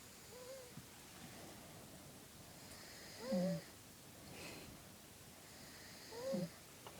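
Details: Person snoring: regular snores about every three seconds, roughly 20 a minute, each with a rising whistling, wheezy tone over a low rumble, in a quiet room.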